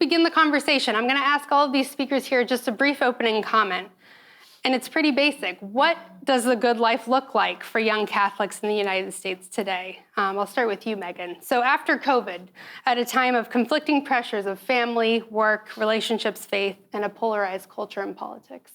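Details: Adult woman speaking; normal voice.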